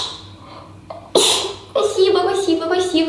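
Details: Single ordinary sneeze from a girl in a sneezing compilation: short catching in-breath, a sharp burst, then talking or laughter.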